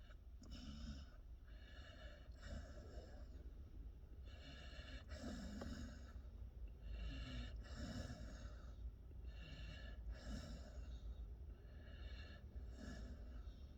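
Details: Sleeping pit bull puppy outdoors: soft, snuffly breathing, roughly six short snore-like breaths over steady outdoor background noise; mild snoring.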